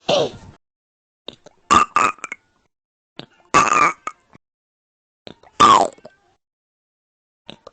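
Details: Four loud, croaky burps in quick succession with short gaps between; repeated belching.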